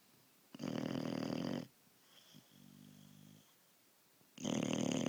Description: snores SO LOUD!